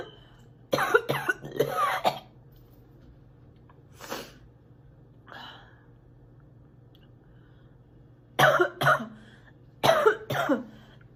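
Several bursts of harsh, repeated coughing with throat clearing in between; a wet-sounding cough.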